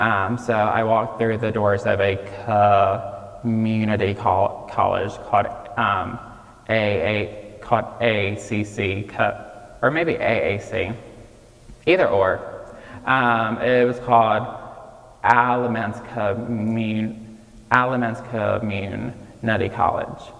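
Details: Childhood apraxia of speech in a 26-year-old man, diagnosed at age 5 and nonspeaking until age 5.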